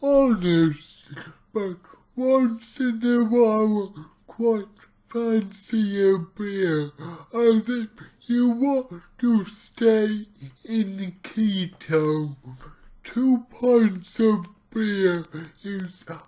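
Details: Dysarthric speech from cerebral palsy in an adult male speaking about his own condition, heavily distorted, about two weeks into trying a keto diet to see its effect on his cerebral palsy.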